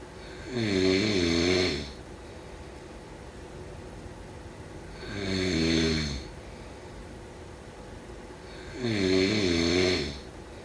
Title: Snoring sounds…